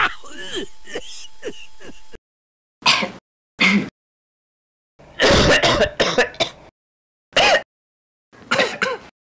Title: COUGH SOUND EFFECTS SELECTIONS #cough #health